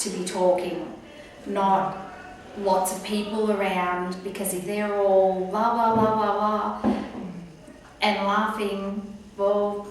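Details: Woman with aphasia after a stroke, about one year on from an earlier recording, reporting gradual improvement; finds group conversation hard; aphasia.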